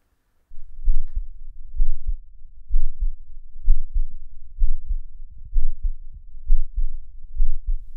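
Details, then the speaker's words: Own heartbeat recorded with a geophone contact microphone: steady low thudding at about 64 beats a minute; normal heartbeat. "you can actually record your own heartbeat"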